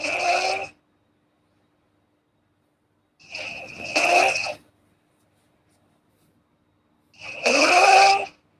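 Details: Girl snoring: three harsh, fluttering snores on breathing in, about four seconds apart with quiet between, roughly 16 a minute; typical snoring.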